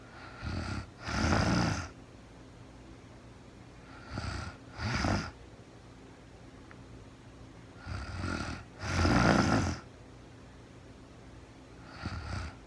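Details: Woman snoring during real-time overnight sleep, recorded as sleep-aid white noise; regular snoring about every four seconds, each breath a brief catch followed by a louder rasping snore; ordinary sleep snoring.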